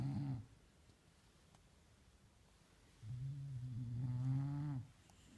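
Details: Animal snoring in sleep: a short low snore, a pause, then a long buzzing snore on the in-breath.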